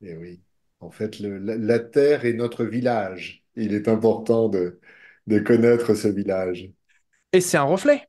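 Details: Adult male speaker; typical speech.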